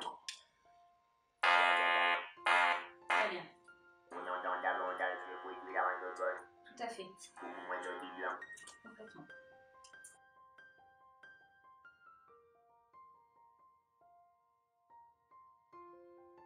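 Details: Electrolarynx speech by a laryngectomized patient whose main solution is a voice prosthesis, using the device as backup and comparing comfortable and less comfortable neck placements.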